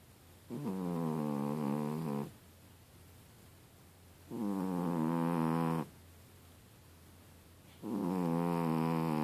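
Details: Sleeping cat snoring loudly for a cat, like a pig: three long buzzing, vibrating snores at about 17 a minute; ordinary snoring in sleep.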